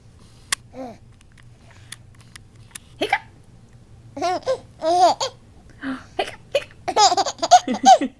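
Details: Baby laughing and babbling at hiccups, with a few short, sharp hiccup catches among the giggles.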